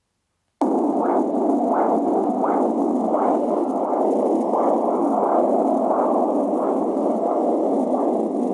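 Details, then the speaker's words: Umbilical cord blood flow recorded with an AngelSounds handheld fetal Doppler: rhythmic pulsing whooshes over steady static, followed by a fetal kick. "so dann hören wir uns jetzt mal die Nabelschnur an"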